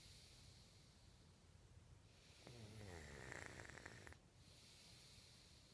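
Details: Sleeper snoring, recorded in 2014: a single rattling, fluttering snore about two seconds long over soft background hiss.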